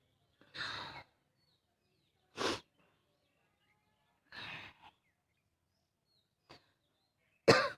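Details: Adult woman gives several short, harsh, separated coughs with a barking quality; barking cough.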